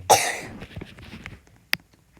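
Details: One sharp, loud cough during a gaming video recording, followed by quiet room sounds and a faint click; a cough.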